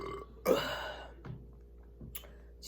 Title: HUGE BURPING WITH CHERRY SPRITE|2 MINUTES OF BURPING